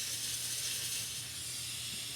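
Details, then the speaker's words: Steady high-pitched hiss of a dental air syringe air-drying a tooth after water rinse, before isolating a maxillary anterior tooth for composite restoration. "i'm going to spray with water right in to rinse that and then do a white dry"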